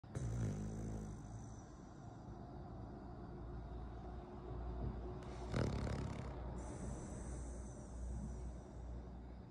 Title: How a dog snores. A snoring Cavalier King Charles Spaniel.